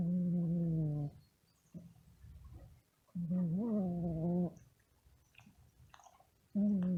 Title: Funny cat snoring